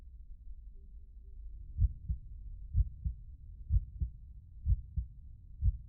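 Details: The sound of a heartbeat: soft, regular low double thumps at about 62 beats a minute, a normal-sounding heartbeat.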